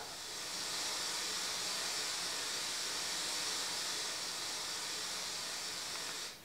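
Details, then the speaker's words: White noise sound therapy for tinnitus: continuous wind-in-the-trees-like white noise from a tinnitus therapy app, listened to by a tinnitus patient during forest walks for some relief. "en fait ils écoutent des bruits blanc pendant qu'il fait des balades en forêt c'est une sorte de sony fin en continu"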